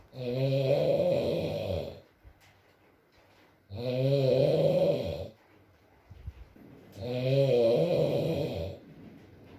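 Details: Adult man (boyfriend) asleep, ASMR recording with rain: three long, droning, buzzy inspiratory snores with quiet gaps between them; snoring during sleep.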